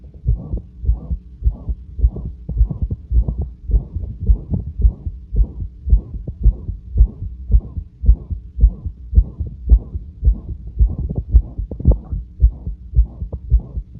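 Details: Heart murmur auscultated at rest: a regular heartbeat near 109/min with a loud, harsh whoosh through each beat. The murmur is always present but varies in intensity and is usually quieter and less harsh.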